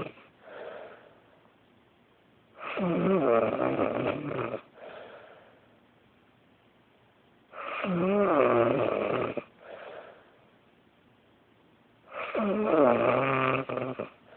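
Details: A person sleeping at 5 in the morning snores very loudly and awkwardly, with loud rough vibrating snores on each in-breath and quieter breathy out-breaths, about 13 breaths a minute.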